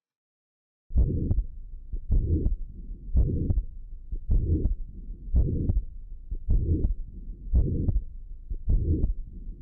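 Regular heartbeat near 55 a minute, each systole filled by a harsh, raspy murmur like tearing paper: perimembranous ventricular septal defect murmur.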